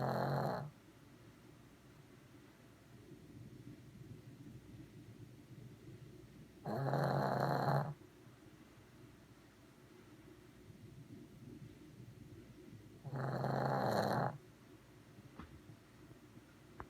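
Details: A Shih Tzu snores loudly, with harsh rattling bursts about every six to seven seconds.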